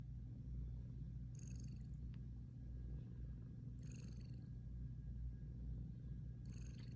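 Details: Two pet cats snoring while asleep.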